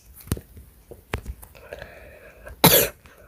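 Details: Child who says they recently had a cold, in a quiet room: a few short throat sounds, then one harsh, breathy cough burst; single cough.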